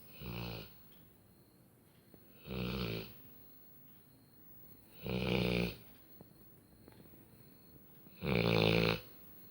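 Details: Labrador snoring like a human: loud, rattling snores about every 2.7 seconds, roughly 22 a minute, with quiet breathing between.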